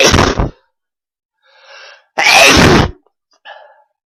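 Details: Adult male (dad) sneezing: two loud, explosive sneezes, each followed by a softer sound; forceful adult sneezes.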